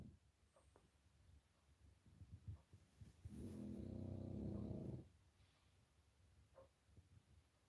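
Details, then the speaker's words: Dog sleeping on a couch in the early morning beside its owner: a single drawn-out, rumbling snore between quiet stretches, ordinary snoring, with faint room noise. "Can you hear Tyson snoring? And everyone says that's me. It's not me, it's the doggy."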